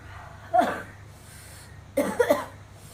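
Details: Girl with burning mouth, throat and stomach starts getting mild hiccups: sudden short catching sounds, one single and a quick cluster of two or three, with slight cough.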